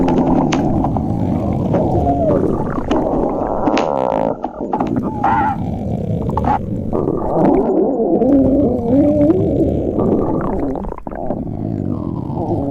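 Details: Loud, continuous rumbling with squeaky, whining gurgles rising and falling; stomach growling, ordinary gut sounds.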